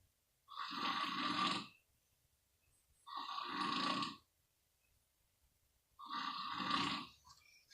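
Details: Recorder's father snoring in sleep: three loud, harsh, rattling snores, each about a second long, spaced a few seconds apart with quiet between them.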